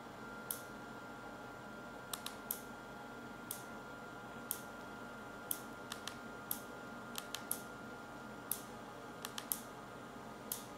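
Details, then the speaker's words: Sharp irregular clicks about once a second over quiet room hum; focal shockwave applicator at minimal power and frequency on gel over a painful heel point, ESWT for heel spur/plantar fasciitis, delivering pulses at the patient's tolerance level. "The patient tells us when we find a point and at that level of tolerance we deliver the required number of pulses."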